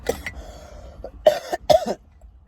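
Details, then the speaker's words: An adult with a cough after a hard night, who had not taken cough medicine, gives about three short, harsh coughs with a brief throat clear; cough. "Um, last night was a hard night. I have this cough and um I have this cough um from being from being"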